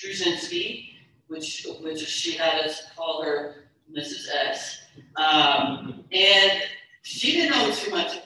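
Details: Stuttering in an adult woman, a keynote speaker at a stuttering convention, speaking about her own stuttering; stuttering.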